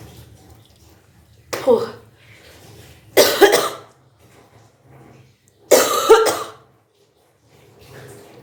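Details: Kunjal kriya, a yogic cleansing practice of deliberately vomiting drunk water: three forceful, gagging retches with splashing, separated by quiet pauses; self-induced retching.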